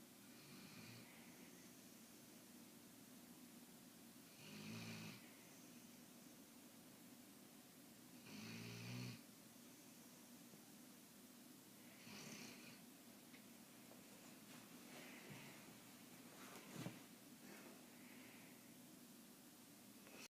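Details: A sleeping female dog snoring loudly enough to wake herself up; slow, irregular, rough snores at about 15 breaths a minute over steady room noise.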